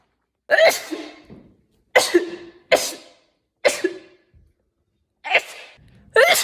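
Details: Compilation of rapid sneezes: six sharp sneezes in quick succession, each a sudden explosive burst trailing off; ordinary sneezing.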